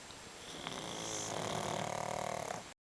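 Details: Sleeping pug snoring: a rough, rattling snore on a drawn-in breath.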